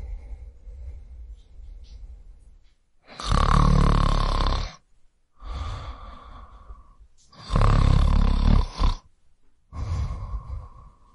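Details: Snoring from a male; sound effect recording.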